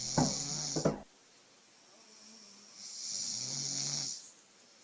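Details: Sound-edited, not natural, snoring clip: two short snoring snorts then a longer rumbling snore, with a high hissing tone layered over it; snoring.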